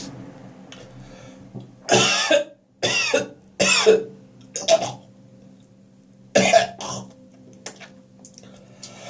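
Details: Morning coughing with gagging and spitting, possibly after too much beer the night before: about five bursts of loud harsh coughs and forceful throat clearing against a steady low hum.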